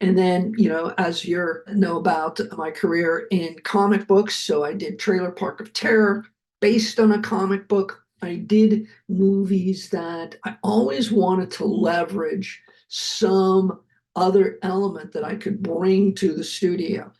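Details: Adult male heart attack survivor with aphasia, speaking after noting his aphasia was kicking in; aphasia (mild word-finding pauses).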